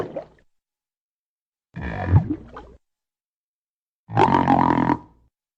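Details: Stomach growling (borborygmi) from a female.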